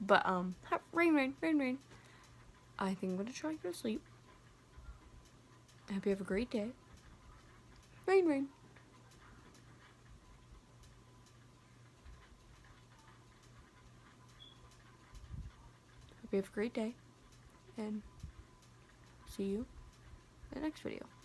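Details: Vocal tics in Tourette syndrome at the end of a real tic attack set off by wind and rain, with a repeated-word tic; the person reports exhaustion afterwards.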